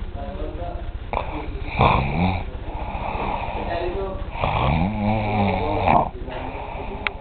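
Loud, rough, drawn-out snores with a rattling, vibrating tone on each breath in; heavy snoring from a sleeper.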